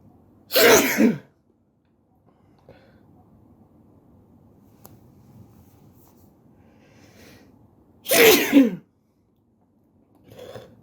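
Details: Two loud, explosive sneezes about seven seconds apart in a quiet room while sitting on the floor, then a faint third sound at the end.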